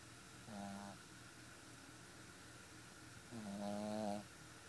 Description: Aidan my 4 month old boston terrier snoring.